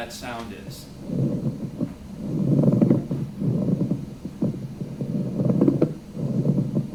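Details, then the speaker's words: Pleural friction rub from inflamed pleural surfaces: rough, dry, rhonchi-like creaking recurring with each breath, likened to crackling old leather; distinguished from rhonchi by being drier and not louder over the trachea. "okay so it's gonna sound like rhonchi but it sounds like a dryer sound and in fact some people talk about it in terms of like crackling old leather"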